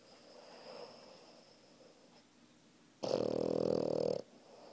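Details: Puppy asleep on its owner, snoring loudly: one loud, rough, rattling snore lasting just over a second, over quiet room noise.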